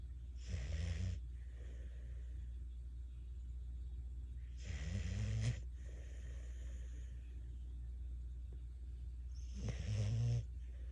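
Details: Snoring with his eyes open: three snorting snores about five seconds apart, roughly 12 breaths a minute, over a steady low hum.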